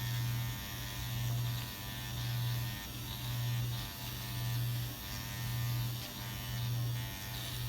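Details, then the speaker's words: Continuous low electric buzz swelling and fading about once a second as a Dr. Pen A7 microneedling pen, set to 0.5 mm, moves in lines on her own numbed forehead; self-treatment, second session; microneedling pen running. "I've already put the needle on point five and I'm just taking out the protective plastic here and turning it on but with this fun I'm just gonna go in lines of three"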